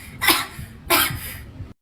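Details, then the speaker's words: Cough, noted when asking to buy ice cream, comedic short. "tuh kan bener batuk nggak batuk terus itu namanya apa"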